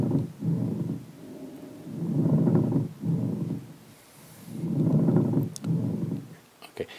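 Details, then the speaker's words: Pleural friction rub: coarse, grating, creaking noise rising and falling with each breath in and out as the lung rubs on expansion. "And this is how the pleural rub sounds."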